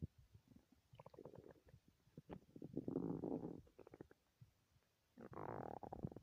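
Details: Irregular gurgling, bubbling and low rumbling from the belly after three whole days without eating: hunger stomach growling, normal borborygmi.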